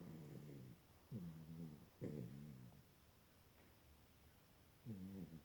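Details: Snoring recorded October 2017: several short, low, buzzing, voiced snorts on the breath, separated by quiet pauses; snoring.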